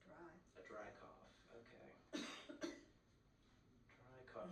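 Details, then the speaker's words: Simulated pharmacy role-play: a patient with a cold gives two short, sharp coughs between quiet speech. It is a persistent dry, non-productive cough that kept on after the cold got better. "Uh this type of cough, would you describe it as a dry cough or a wet cough?"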